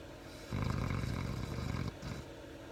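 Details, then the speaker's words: Female snoring, described as nearly her loudest: a single loud, low rattling snore lasting over a second, with quiet room noise around it. "Not the loudest she's ever snored, but pretty close to it."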